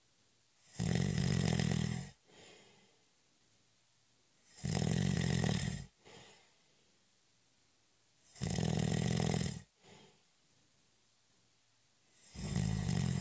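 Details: Snoring during a short, light nap: harsh rattling snores roughly every four seconds, about 15 a minute, each followed by a short soft exhale.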